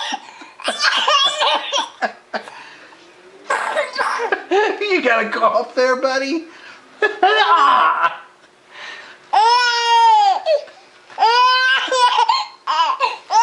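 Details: Infant laughing in bouts, breaking into short harsh coughs between the laughs before laughing again.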